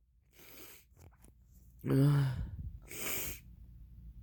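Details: Soft sneeze sequence with a voiced burst and breathy follow-through, triggered by drinking red wine.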